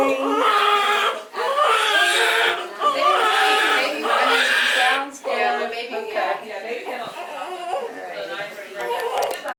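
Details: Loud, sustained crying in repeated bursts with brief breath pauses from a newborn boy right after birth; mother's third baby, natural VBAC, delivered on the toilet; mother and baby reported healthy; strong newborn cry.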